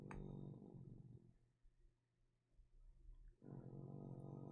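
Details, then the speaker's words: A pet dog snoring in the background while its owner talks. "But you can hear my dog snoring. Let him know he's cute."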